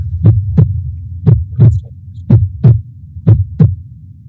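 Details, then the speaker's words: Heartbeat played with an echocardiography film of a well-contracting heart, shown in a heart failure lecture: steady paired low thumps at about 58 beats a minute with a faint background hum; ordinary rhythm. "pas grave, c'est juste un peu de bruit comme ça. Vous entendez le cœur qui bat."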